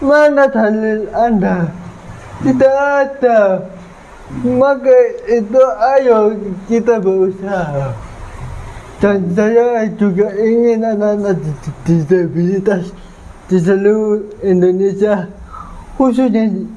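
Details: 22-year-old man with cerebral palsy (physical disability); dysarthria (cerebral palsy).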